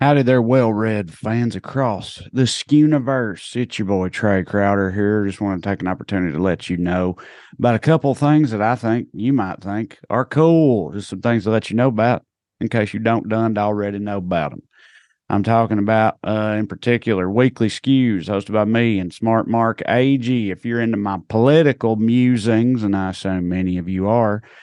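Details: Adult male speaker; normal speech.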